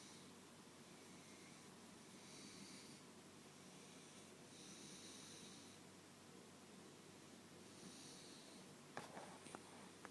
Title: Cute, snoring puppy